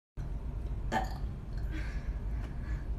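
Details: A short, low throaty burst over a steady low background rumble; a burp.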